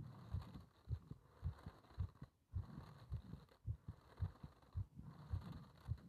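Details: Regular low thumping heartbeat around 110 a minute under steady hiss and rustling; heart sounds recorded during paper-bag rebreathing, part one.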